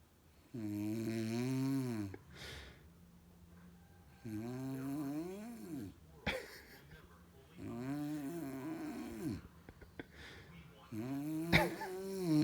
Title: ADORABLE BABY REACTS TO MOM SNORING | FUNNIEST BABY REACTION